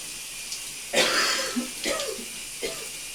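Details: Coughing in a steamy shower: three wet, loose coughs over running shower water; a productive cough bringing up mucus.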